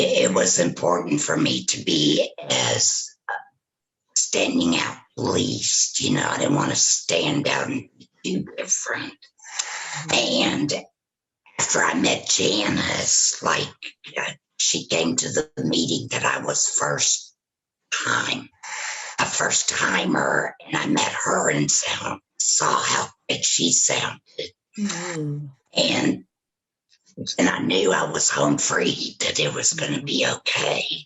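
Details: Tracheoesophageal speech from a woman after total laryngectomy for throat cancer with vocal cords removed, speaking through a tracheoesophageal puncture (TEP) voice prosthesis.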